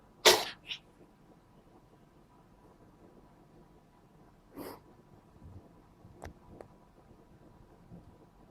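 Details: A cat that won't stop sneezing gives a sharp sneeze, a softer second burst, then a few quieter sneezes and snuffles over about eight seconds; repeated sneezing.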